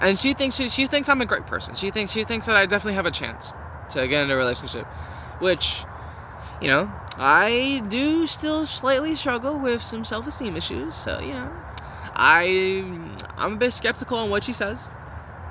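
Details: Teenage male who reports stuttering a lot and using fillers, and has been trying to change it; stuttering with audible word, phrase and part-word repetitions.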